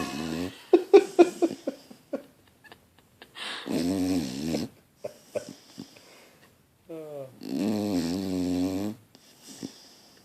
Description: Snoopy snores louder then my fiance'!!